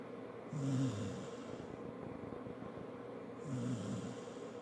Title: Buddy snoring.